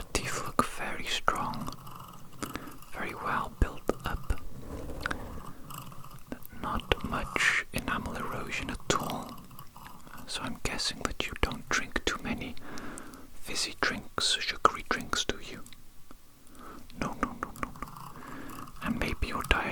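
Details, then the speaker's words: Simulated dental cleaning roleplay (ASMR): dentist scraping plaque from the back of the incisors with a metal tool, producing close, crisp scraping and clicking of metal instruments with soft whispering; dental scaler scraping. "It's a bit of a strange sensation. I am using the metal tool to scrape the plaque off your teeth."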